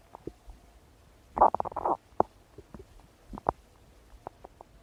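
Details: Stomach rumbling: soft gurgles and a short loud rolling burst of gut noise from a quiet abdomen; ordinary borborygmi, a normal bowel sound.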